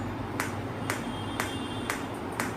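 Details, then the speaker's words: Pulsed electromagnetic therapy device with single loop applicator, running multiple-frequency mode that switches among frequencies starting at 2 Hz: sharp regular clicks about every half second over a steady faint hum. "let's see this is multiple frequency. So it will keep on switching between all those frequency."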